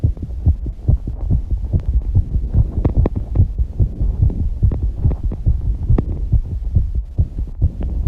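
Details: 19-year-old girl's fast heartbeat after exercise, recorded alongside heavy breathing and some breath-holding: loud, rapid thumping at roughly 140 beats per minute.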